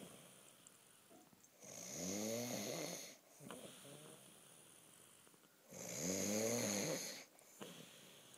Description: snoring part 2!! Sorry baby